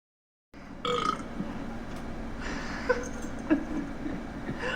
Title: Scooby-Doo (2002) Burping and Farting challenge